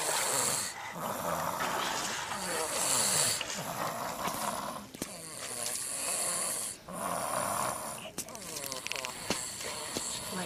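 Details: Babies snoring.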